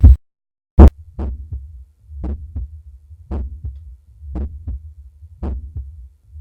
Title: Aortic valve auscultation